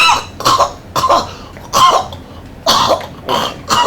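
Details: Repeated harsh cough bursts, about six in four seconds, from a simulated adult male recovering from a routine hernia operation, regaining consciousness and rejecting an oropharyngeal airway in an airway-management training scenario: coughing on an oropharyngeal airway.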